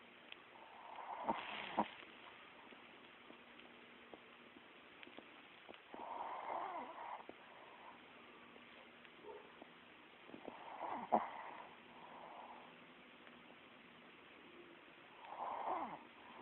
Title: My dog snoring